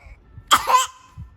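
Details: Single harsh, wet-sounding cough from a child (a girl) with quiet room noise in the background; she had been at school that day, and the adult wonders aloud what she ate or drank there.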